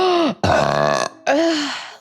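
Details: Young woman streamer, three loud voiced belches in quick succession, the middle one long and rough, the others falling in pitch; ordinary burping.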